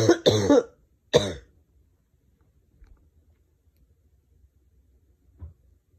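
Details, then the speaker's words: Adult with 8 days of laryngitis and nonstop coughing episodes, day and night: three harsh, deep coughs, two close together then one more, felt deep in the throat and chest down to the ribs; cough. "this cough is deep it's deep in my throat in my chest goes all the way down to the ribs"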